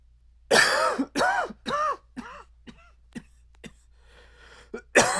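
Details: Adult male with a dry barking cough strong enough to shake his chest: a run of about six harsh, dry, barking coughs with strained voicing, fading, then a renewed bout.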